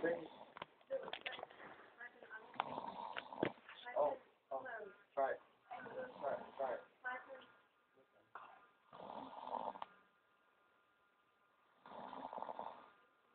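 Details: Snoring of a person asleep on his phone after staying up about 36 hours: irregular bursts of rough, snorting breath sounds with a faint background beep.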